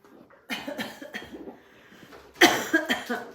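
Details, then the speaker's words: Two clusters of rapid, harsh coughs with faint breathing between, from an adult leading an at-home Pilates workout, after non-stop coughing since last Thursday (now Monday); cough. "I start coughing again and then roll the shoulder look to your opposite side that the knee is f facing and hold for a spine twist the struggle is real non-stop coughing since last Thursday and today is Monday"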